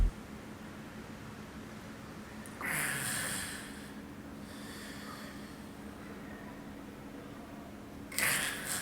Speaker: El gasping o respiración agónica es una respiración falsa. No la confundas con una respiración normal. Estás ante una parada cardíaca.